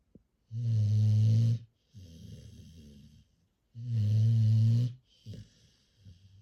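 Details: Sleeping rescue bully-breed puppy snoring: two loud, deep, buzzing in-breaths, each followed by a softer fluttering out-breath.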